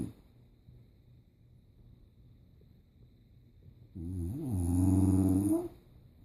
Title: English bulldog snoring